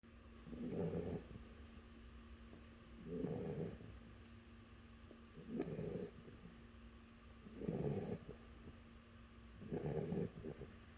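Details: Snoring from Athena during sleep, regular rumbling snores about 27 per minute with steady breathing between them.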